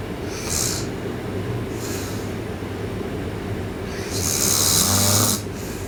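Harsh, hissing snore sounds on the breaths over a steady background hum; the last one is longest and loudest.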